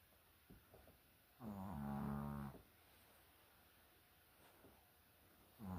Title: Stop snoring!